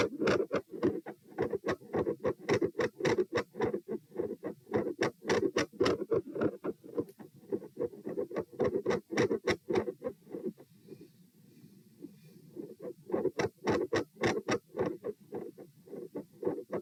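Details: Heart sounds at position P during a lie-sit-stand-lie stress test (72, 96, 108, 72 bpm). Loud, regular beats at about 100–110 a minute in an upright position, with a split second heart sound.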